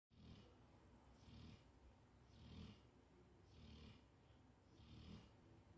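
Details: Sleeping pit bull whose owner calls its snoring extremely loud: soft, regular breathing noises about every 1.2 seconds, roughly 50 a minute, with a low rumble; snoring.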